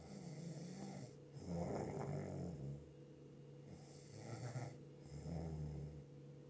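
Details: Snoring: slow, deep, rattling snores with each breath, about two cycles, over steady background hum.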